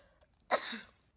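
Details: Person with spring allergies: a faint intake of breath, then one sharp, explosive, hissing burst fading over a fraction of a second: a single sneeze.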